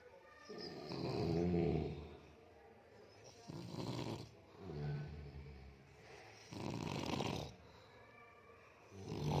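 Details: Grandfather or elder uncle snoring in sleep: loud, rough, low-pitched snores in a steady rhythm, about four in nine seconds; ordinary snoring.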